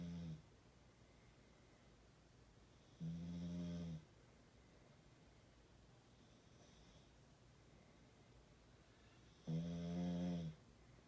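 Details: Roscoe's extreme snoring: loud low rumbling snores with quiet gaps, three within about eleven seconds, so loud it shakes the body; heavy snoring.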